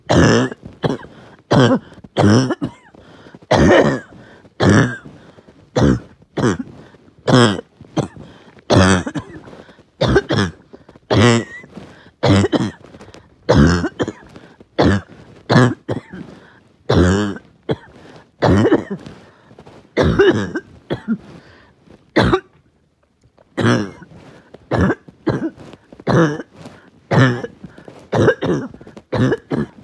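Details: Uncontrollable, really bad barking cough at night: an adult coughs in relentless harsh, barking bursts, about forty coughs in thirty seconds with little pause, knocking the wind out of them.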